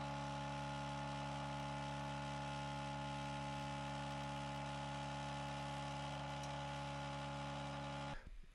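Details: Homemade pandemic ventilator, not FDA approved and for educational use only, built from off-the-shelf car and truck parts with only relays and switches and no microcontroller: steady motor hum with faint mechanical buzzing that stops abruptly.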